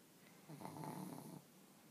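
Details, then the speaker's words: Sleeping dog in deep sleep: a single low, throaty snore of about one second on an in-breath; owner says her snoring grows louder and doesn't stop; snoring. "n see she's very tired really this isn't so bad on the snoring but she gets going like a little freight train and as you can hear it gets Lou louder and louder and doesn't stop"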